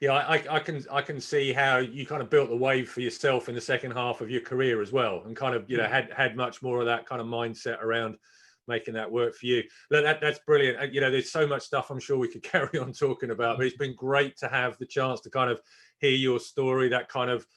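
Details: Adult male speaker; Normal conversational speech.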